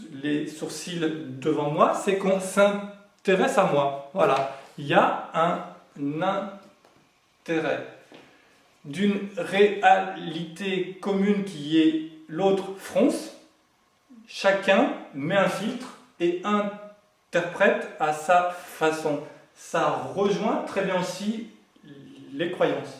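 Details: Adult male who has lived with stuttering for 20 to 40 years since growing up and says he is now managing to speak through it; stuttering.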